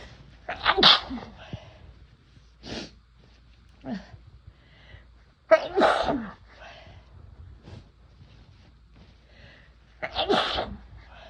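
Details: Three forceful sneezes with softer breaths between, induced by first-time use of chhinkni sneezing powder; sneezing.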